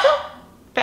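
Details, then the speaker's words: A single short, honking cough from a medicated pet dog, fading quickly, as the owner reassures him. "because every time you okay you okay every time he coughs he looks at me like I'm sorry I'm like it's okay it's okay good boy good boy come"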